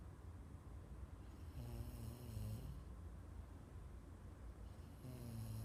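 Low, rough rumbling breaths in slow cycles over steady background noise; ordinary snoring.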